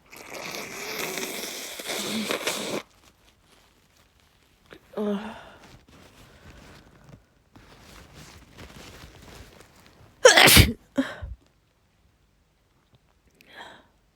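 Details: Woman at home in bed with a cold, sneezing every few hours with a persistent nasal tickle: noisy rustling and sniffing, then a forceful wet sneeze with a second burst; sneezing with a cold.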